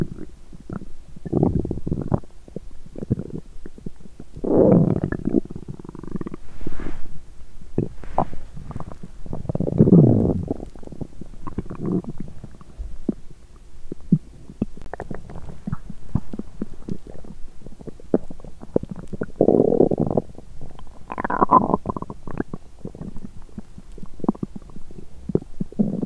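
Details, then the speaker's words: Loud, recurring gurgling rumbles and clicks from an empty stomach after exercising while hungry: active bowel sounds (borborygmi). "Âm thanh réo rắt của dạ dày tôi tiếp tục một lúc ♪"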